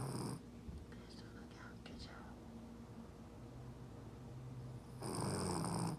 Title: Snoring dog